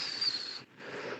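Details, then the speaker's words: A breathy, high whistle, then a brief pause and a softer hiss, imitating the wheeze of narrowed airways from bronchial smooth muscle contraction; wheeze (imitated). "Haz un silbido de sibilancia. No sé chiflar. Dale. Eso, sí, así se oyen las sibilancias, sí, así, silbidito, como un silbidito."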